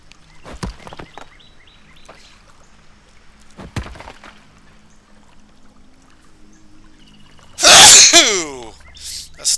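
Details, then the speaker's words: A sneeze and a cough let out at the same time: a single loud, explosive burst with a falling voiced tail. "sneeze and a cough at the same time. That sounds healthy."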